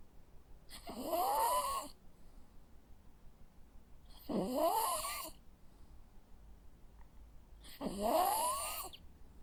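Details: Sleeping Jack Russell Terrier dog: three soft, rising, nasal whistling snores about four seconds apart, roughly 17 breaths a minute; ordinary snoring.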